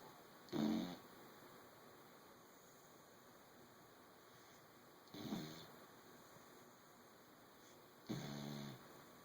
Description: This is my puppy Clover, she is an English bulldog basset mix...and she snores, a lot....and pretty loud for a puppy.